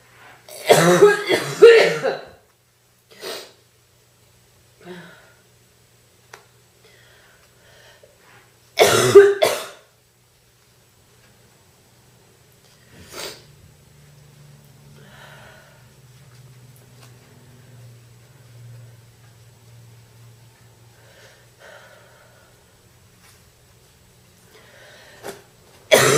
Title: Girl Coughing 428